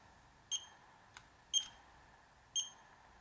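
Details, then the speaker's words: Three short high-pitched bleeps about once a second over faint room noise: low pulse rate alarm of a fingertip pulse oximeter with two AAA batteries, set to sound when pulse rate falls below 50 beats per minute. "bleep is the milan that i've set on a pulse alarming when the pulse rate goes below 50"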